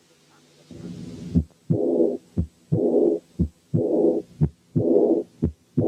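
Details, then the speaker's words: Early diastolic murmur: it starts immediately after the second sound with no gap, is very high-pitched, and begins relatively loud then fades gradually. "فهم أولا early diastolic، يعني immediately بعد السكند ساوند، بحيث لا توجد أي مسافة ما بين الميرمر وما بين السكند ساوند. ثانيا very high pitched. ثالثا بتبتدي عالية نسبيا الأول وتقل بالتدريج، يعني دي كريشندو."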